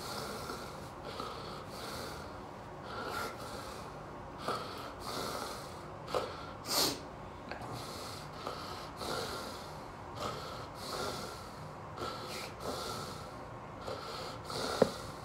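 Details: Adult man during a full generalized tonic-clonic (grand mal) seizure preceded by a déjà vu aura, recovery drug missed: rhythmic snorting, gasping breaths in a quiet room while being kept on his side.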